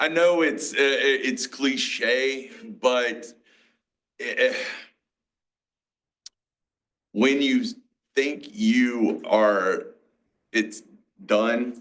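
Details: Aphasia with word-finding pauses in a 47-year-old male, a mix of Broca's and Wernicke's, after a massive stroke 6 years ago, with seizures; he had to relearn to talk and still has word-finding blocks.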